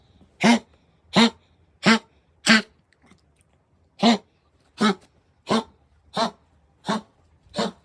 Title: Kennel cough#shorts #dog #سگ #سگها